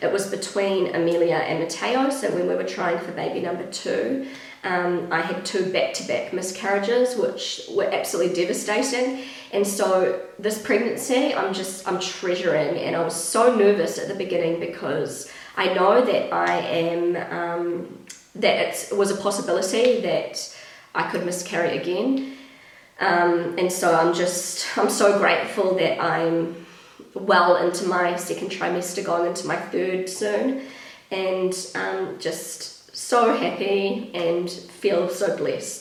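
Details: Pregnant woman with a habitually croaky, crackly voice that she says worsens markedly during pregnancy, attributing it to the pregnancy; also slightly out of breath; vocal fry.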